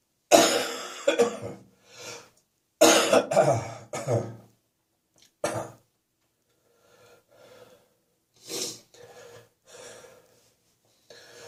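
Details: Several loud, harsh coughing bouts in quick clusters, then quieter coughs and throat clearing; repeated coughing.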